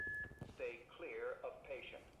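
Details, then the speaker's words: AED demonstration during a CPR and defibrillation lesson, pads applied; a brief tone, then a synthetic voice prompt telling rescuers to stay clear while it analyzes heart rhythm, before it advises a shock. "right okay analyzing heart rhythm so right now we wouldn't want anybody to talk right now it is it's analyzing what the heart is doing"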